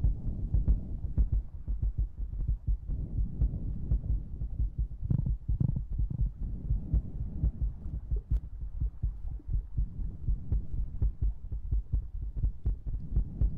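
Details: ASMR recording with breathing and mouth sounds: soft, low, repeated thumps at about 120 a minute, somewhat uneven, under a faint hum; heartbeat.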